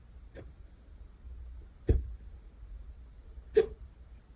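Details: Hiccups recorded the second time they occurred that day: three short, sharp hiccups over about four seconds with quiet room noise between.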